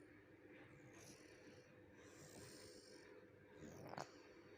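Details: Snoring during sleep: soft, rough breathing with low fluttering throughout, ending in a brief louder snort, faint against room hum.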